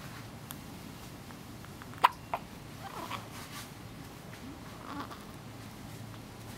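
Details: Hiccup recorded on a day labeled "Day 5": a sharp, abrupt gulping burst, then a smaller catch, against quiet room noise.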